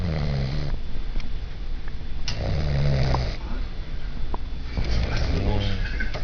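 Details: A man snoring in his sleep in an apartment: loud, low, rattling breaths in repeated cycles; snoring.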